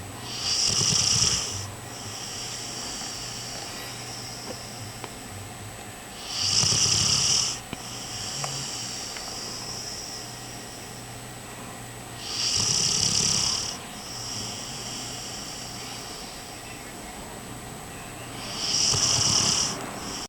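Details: Sleeping dog snores in slow, steady bursts, about ten breaths a minute, with a quiet hum between.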